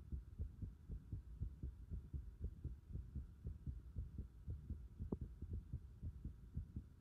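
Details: Heart sounds recorded with a pulsation at the pit of the stomach (epigastrium): regular low thumping heartbeats, about 118 per minute, against a steady faint hum.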